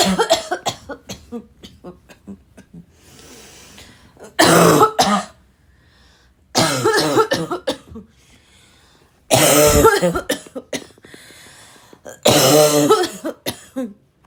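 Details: Repeated harsh, forceful raspy coughs in bursts with throat clearing between; a woman's hard, hacking coughing attack.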